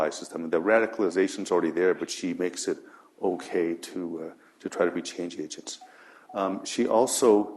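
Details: Adult speaker; normal voice.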